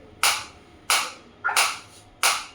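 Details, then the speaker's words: Focused (not radial) shockwave therapy device applied to the demonstrator's own hand at energy level 15, frequency being raised in steps of 30 to 120; four sharp cracking pulses, each fading quickly, under two per second. "120 in the multiple of 30 it will increase you can feel the difference you can feel the difference in the sound also and I can feel the difference in my hand also"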